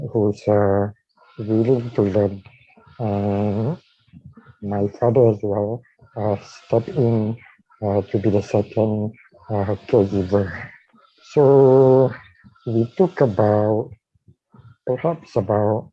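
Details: Dysarthria with tracheostomy leak speech in a man with ALS/motor neuron disease diagnosed in 2018, tracheostomised late the previous year and speaking around the tracheostomy while on a ventilator, needing suctioning between talking.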